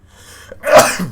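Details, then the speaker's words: A single adult sneeze during a game recording: a quiet indrawn breath followed by a sudden loud burst of air. "excuse me i think this i don't know if that's the first time i've ever sneezed in let's play but if so then that's how i that's how i sound like sneeze"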